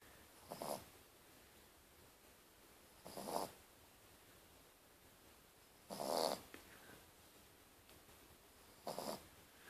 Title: Our dog Draper snoring